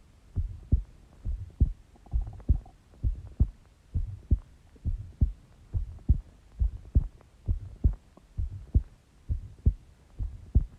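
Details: Short heartbeat recording: steady, regular, low, thudding lub-dub heart sounds at about 67 beats a minute.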